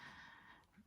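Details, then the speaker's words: Weak dog, not eating, vomiting and struggling to drink, with a stopped-up nose: short, snuffly, congested breaths through a blocked nose with a faint snort-like rasp. "Can you hear his breathing? He's so stopped up."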